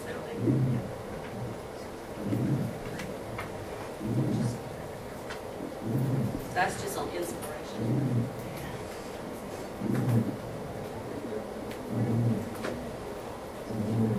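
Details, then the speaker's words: Teaching example of low-pitched wheeze (sonorous rhonchus) caused by a narrowed airway, played after a high-pitched wheeze example; low-pitched wheeze. "Now listen to a low pitch we [Music] real"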